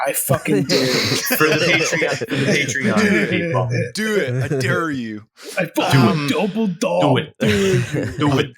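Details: Adult male speakers in conversation; ordinary speech.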